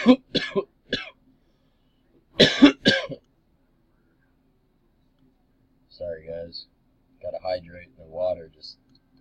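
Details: Adult gives two quick clusters of harsh coughs, about six in all, after water went down the wrong pipe.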